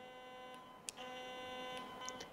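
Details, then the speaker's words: Heal Force EB03 electrosurgical generator, monopolar pencil with yellow and blue buttons for cut and coagulation modes: steady electronic tone with faint clicks; coagulation mode activation tone. "this pencil controls the two modes one is cut and one is coagulated when we press the yellow button this function is on and blue button is for this function"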